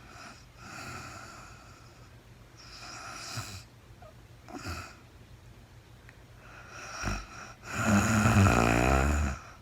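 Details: Adult woman recorded in real time during overnight sleep after being very tired: rough, low rattling snores with each breath in, some louder and longer, in a quiet room; snoring.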